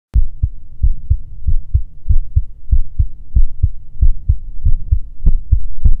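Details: Close-miked heartbeat ASMR recording: loud lub-dub beats at roughly 90–95 per minute, fairly steady; a normal, slightly quick heartbeat.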